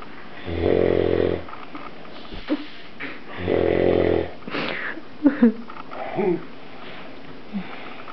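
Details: Sleeping after exhaustion from a night out, snoring getting louder: two long, loud, rattling snores about three seconds apart with softer snorts and small noises between, quiet room; loud snoring.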